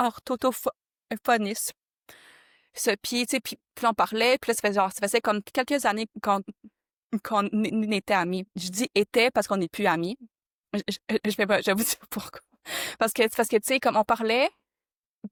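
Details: Adult woman who stutters, who discovered an association for people who stutter in 2015; stuttering.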